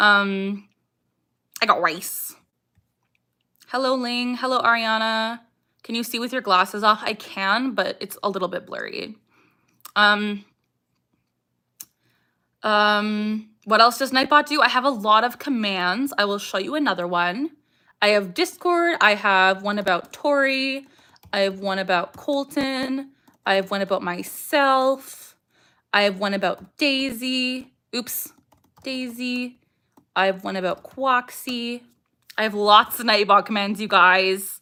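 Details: Young woman with Tourette syndrome, vocal tics including saying "I got rice", barking and "ha", plus eye blinking and facial grimacing; tics increase with anxiety or excitement and during livestreams; Tourette syndrome with vocal tics.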